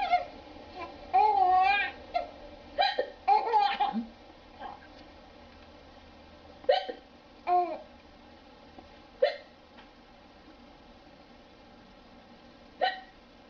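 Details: Adult mother hiccupping: several abrupt, sharp hiccup sounds mixed with a baby's laughter and babbling; hiccups.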